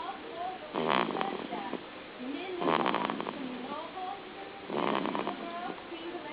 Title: snoring baby